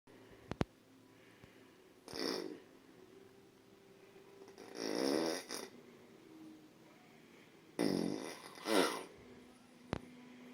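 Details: Loud, rough snores on inhaled breaths, several in ten seconds with quiet gaps; very heavy adult snoring, self-described as really bad.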